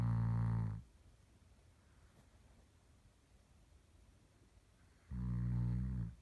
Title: Samson Snoring